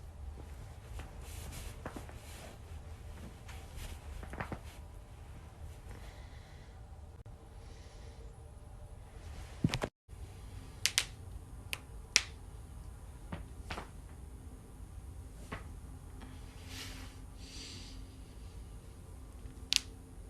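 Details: Back cracking: quiet room with a handful of sharp, isolated pops of joint cavitation.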